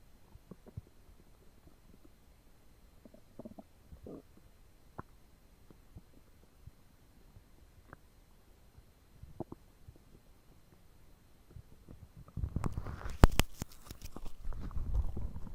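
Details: Stomach rumbling after eating two foot-long sandwiches and a pint of cola: quiet intermittent gurgles and squeaks, then a louder churning rumble; ordinary digestive bowel sounds.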